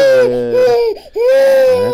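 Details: 18-month-old girl with walking and balance issues and a neck problem attributed to birth trauma, during a chiropractic session: loud, sustained wailing cries with brief catches for breath; vigorous distressed crying.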